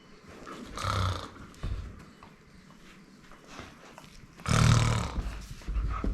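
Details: An adult imitating snoring, not asleep, to a German Shepherd: two loud, rough snoring snorts, with the dog's snuffles and small vocal sounds between them.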